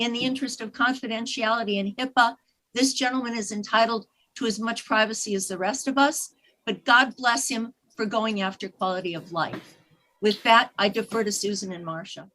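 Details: Adult woman speaking; normal speech.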